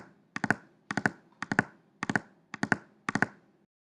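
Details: Heart sounds in groups of three at about 110 a minute, a gallop rhythm from an added third heart sound (S3).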